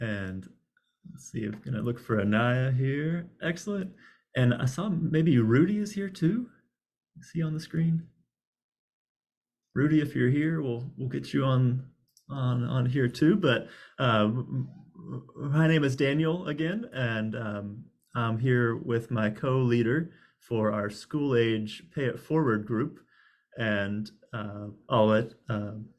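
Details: Adult male speaker; speech.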